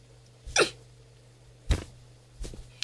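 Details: Adult woman with Tourette syndrome and OCD, recorded on a day she says her tics are worse; hiccup-like vocal tic.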